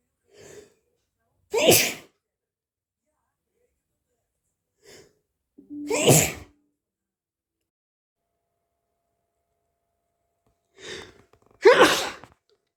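Three sneezes, each preceded by a sharp inward breath, spaced several seconds apart; repeated sneezing from hay fever.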